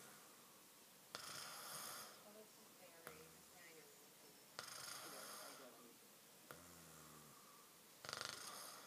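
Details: Sleeping friend recorded on an iPad; loud rattling snores with sharp onsets alternating with quieter breaths, about 18 breaths a minute; snoring.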